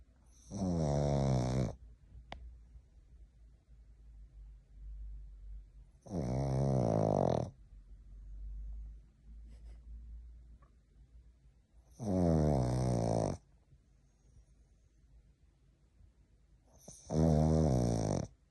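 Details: Sleeping Boston terrier snoring loudly in four long rumbling breaths, about eleven a minute.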